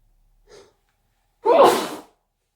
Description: Induced sneezing fit